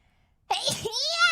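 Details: Single sneeze from a VTuber during a livestream: a sudden sharp burst of breath through a high voice, trailing into a rising vocal sound.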